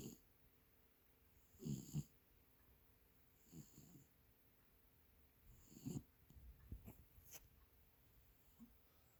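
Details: Soft, low, snuffling snore bursts about every two seconds, slightly irregular, from Leo, a feral cat sleeping on a person's lap, said to be in REM sleep, over quiet room noise: cat snoring.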